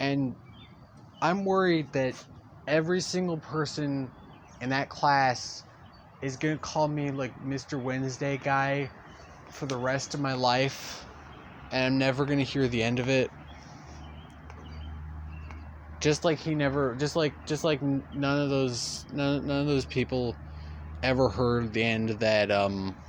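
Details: Male speaker who says he stutters; real stuttering throughout a long narrated story. Stuttering.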